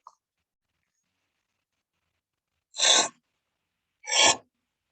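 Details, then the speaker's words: Dry, Velcro-type fine basilar inspiratory crackles on auscultation, typical of idiopathic pulmonary fibrosis (IPF): two inspirations with crackles. "So I would like to show example this Velcro type of this basilar inspiratory crackles, typically for patients with IPF."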